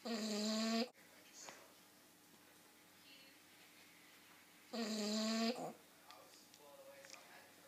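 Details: Dog described as possibly the loudest snorer alive: two loud, high-pitched, honking snores about four seconds apart, with quiet breathing in between; snoring.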